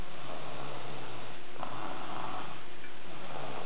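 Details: Man snoring loudly while sleeping on the couch; continuous low rumbling, vibrating breath noise, muffled recording; snoring.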